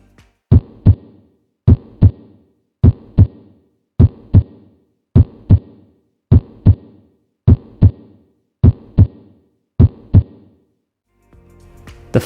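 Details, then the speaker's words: Simulated normal heart sounds: regular S1–S2 lub-dub pairs at about 52 beats a minute, with no extra sounds or murmur. "and this forces blood through the pulmonary and aortic valves and the S2 heart sound occurs when the pulmonary and aortic valves close"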